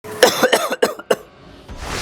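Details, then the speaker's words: A quick run of four loud, harsh cough bursts in a row, followed by quiet room noise; a bout of coughing. "आपकी खांसी आपको रात भर सोने नहीं देती है? क्या खांसते-खांसते आपके सीने में आपके गले में आपके पसलियों में दर्द होने लगा है?"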